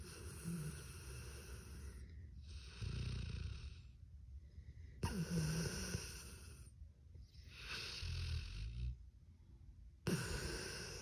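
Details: Sleeping pit bull snoring: loud, rough, low-pitched snores about every five seconds, with quieter breaths between.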